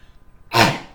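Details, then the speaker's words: Adult man with Tourette syndrome, daily lifelong cough tic: a single sudden, explosive sneeze-like cough, a vocal tic. "yeah there it is I cannot remember the last day of my life when I didn't cough"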